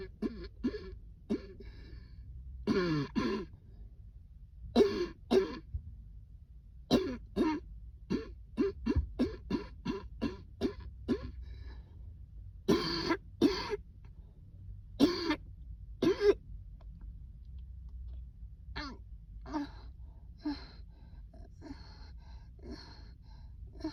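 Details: An adult has a prolonged coughing fit triggered by cold air, with about thirty short, dry coughs in rapid clusters.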